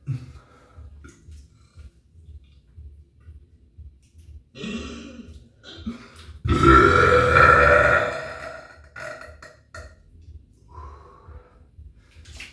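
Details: Deliberately performed burping: several small throaty burps, then one long, loud, rumbling belch lasting over a second, with a quiet room in between; burping.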